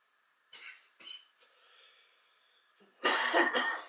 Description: Today I meditate inside while experiencing a coughing fit.